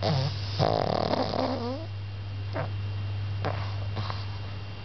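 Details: Pug, sleepy: snorting, gurgling snore followed by short sniffing snorts over a steady hum; noisy snoring breathing.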